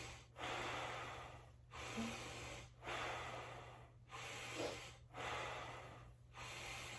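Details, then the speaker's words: 35-year-old patient in a head-to-toe assessment, posterior chest auscultated with stethoscope, arm raised, deep breaths: slow soft breaths, about five cycles at roughly 25 a minute, no added sounds; normal vesicular breath sounds. "okay go ahead and lift your arm up for me take a deep breath perfect okay so uh vesicular lung sounds um auscultated"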